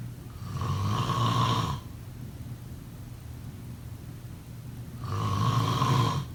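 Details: Two harsh, buzzing snores about four seconds apart, roughly 13 breaths a minute: steady snoring during sleep.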